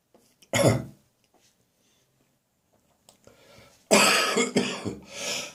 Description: My cough has now becoming drier and less frequent, but it really made me gag in the bathroom this morning.